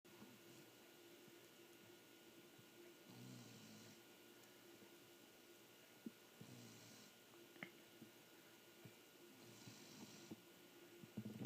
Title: my snoring dog, Carl you will always be with me.